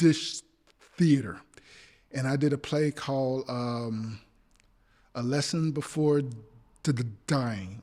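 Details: Adult male actor with a speech impediment (stammering), speaking in a podcast conversation: stuttering.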